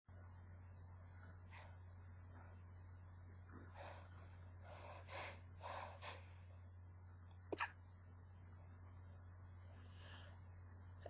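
Quiet, held-back sneezes over a steady low hum, with a brief sharp burst near the end.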